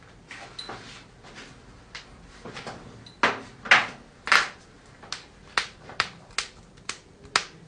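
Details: Joint cracking compilation: about a dozen sharp, dry pops and cracks at irregular intervals in a quiet room; cavitation.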